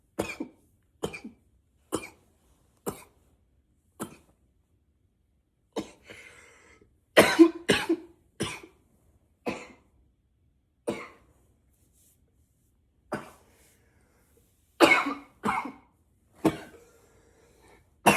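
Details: Acted roleplay of an unstoppable coughing spell: about eighteen short muffled coughs in repeated bursts, some in quick pairs, smothered into a pillow while trying to be quiet but still loud and powerful; coughing fit.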